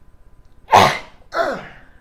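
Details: Man with Tourette syndrome whose tics sound like coughing; two abrupt sneeze-like bursts: sudden involuntary vocal cough tic.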